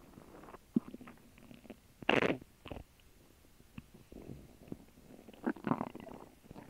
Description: I had a grilled cheese sandwich and water for lunch and my stomach is seriously working on them.